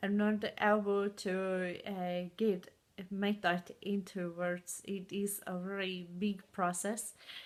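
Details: Adult woman with aphasia and foreign accent syndrome caused by a stroke four years ago, with memory problems and good and bad speaking days; foreign accent syndrome with aphasia.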